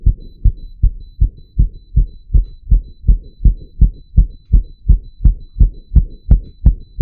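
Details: Real heartbeat of an adult wired to a 3-lead ECG monitor, deliberately made to beat very fast; rapid, regular beats at about 167 per minute with monitor tone behind; sinus tachycardia.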